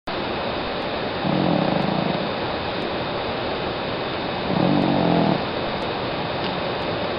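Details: Two low, buzzing, loud snoring breaths from a sleeping female cat about 13 years old, over steady background hiss.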